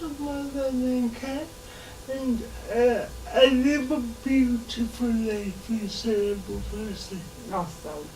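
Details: 27-year-old woman living with cerebral palsy all her life (27 years), independent and mobile on her own; dysarthria in cerebral palsy.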